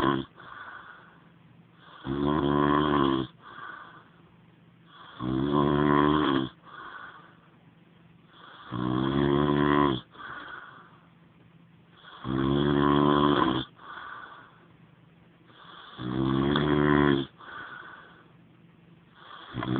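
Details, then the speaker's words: Man snoring in his sleep: loud, regular snores with a rough, buzzing rattle on each breath in, about every 3.5 seconds, about 17 breaths a minute. "Hey, you're snoring."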